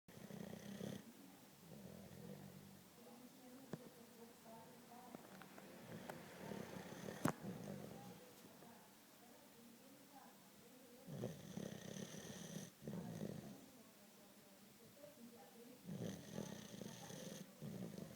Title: Ο Ρόκυ ροχαλίζει - Rocky snores